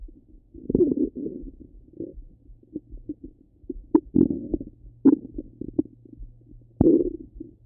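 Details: Half-hour recording of a person's stomach rumbling: low gurgling and bubbling rumbles with brief squeaky pops; typical bowel sounds.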